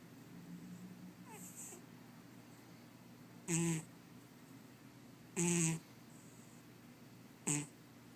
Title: Snoring Cat